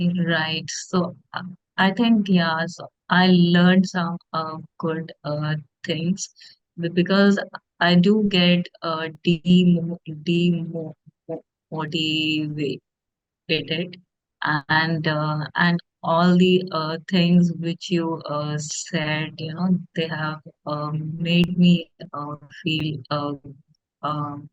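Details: Adult woman who stammers, asking how to overcome fear of teaching as a person who stammers; stuttering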